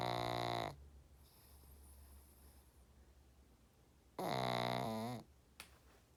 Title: Peaches snoring